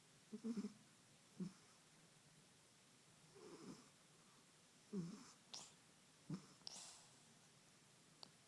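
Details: Kitten snoring during sleep: soft, irregular, snuffling, rattly snores spaced a second or more apart in a quiet room.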